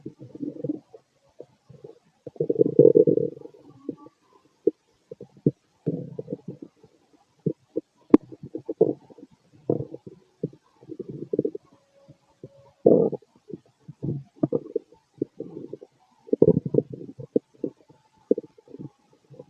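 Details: Adult male's stomach recorded late at night after eating lots of food, feeling gassy and bubbly. Frequent low gurgling, bubbling rumbles in irregular bursts. Active stomach growling (borborygmi).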